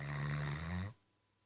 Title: Snoring, Great Dane, Ramsey